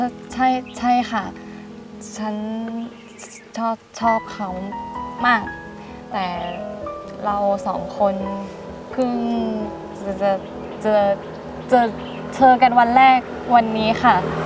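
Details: Acted stuttering by a female character in a Thai comedy skit; stuttering (acted).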